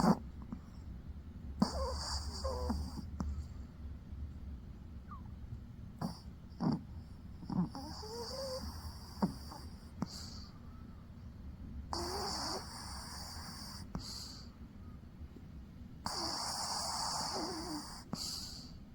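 Soft rattling snores with each breath in, over quiet room noise, from a sleeping dog.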